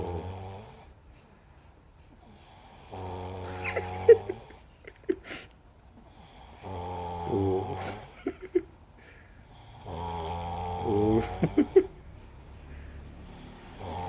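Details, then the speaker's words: Younger brother in deep sleep, who habitually snores, eyes seemingly open: loud rattling snores on each breath in, about every 3.5 seconds, roughly 17 breaths a minute. "Kalau lagi tidur, dia pasti ngorok. Tuh, dengerin."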